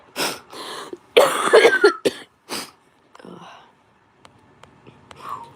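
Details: Several harsh coughs, snorts and throat-clearing bursts, then a quieter stretch, from an adult still sick with an illness lasting over a week, coughing while talking.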